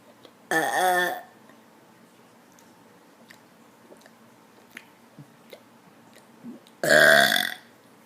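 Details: Deliberate burps: two loud, drawn-out burps several seconds apart, with quiet room sounds between.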